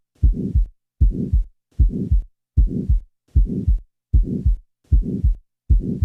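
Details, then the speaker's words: Regular heartbeat near 77 a minute with a crescendo-decrescendo murmur starting shortly after the first sound, peaking mid-systole and fading clearly before the second sound; mid-systolic ejection murmur. "listen now to a typical mid-systolic murmur note carefully the fact that the murmur diminishes clearly before the second sound"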